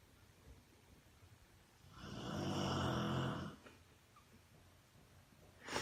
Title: Funny Rottweiler snoring on couch